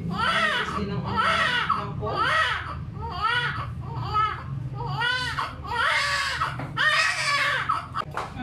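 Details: Newborn, mother's second baby, born at 37 weeks by normal spontaneous vaginal delivery after a sudden, controlled rise in maternal blood pressure: loud, rhythmic crying bursts about once a second over low hum; vigorous normal newborn cry.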